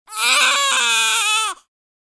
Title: Baby Boy Cry Single / Baby, Boy, Infant, Toddler